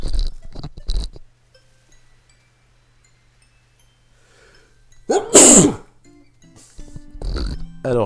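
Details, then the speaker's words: A single loud, slightly muffled adult sneeze, anticipated by the speaker, during gameplay commentary, with game music and sound effects before and after. "Ah, de la peinture blanche. Alors, je vais peut-être éternuer. Désolé."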